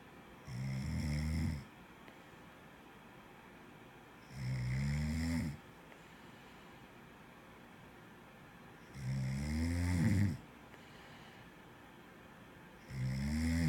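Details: Four loud, low rattling snores about 4 seconds apart, roughly 15 a minute, with quiet breathing between; typical snoring.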